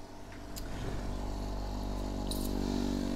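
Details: Endoscopic ear microsuction removing dry skin peeling away in a long strip, plus wax, from the ear canal: low rumbling suction with rough sucking noise and brief crackles.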